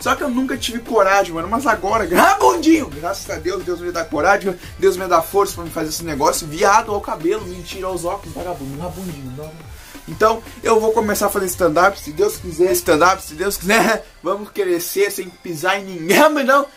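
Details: Person with Tourette syndrome speaking Portuguese, with involuntary interjected words mid-speech; vocal tics (Tourette syndrome).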